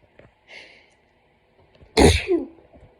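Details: Forceful sneeze attributed to autumn hay fever in an adult woman: a soft indrawn breath, then one loud explosive sneeze with a trailing vocal release in a quiet room; her throat is hoarse and sore afterwards.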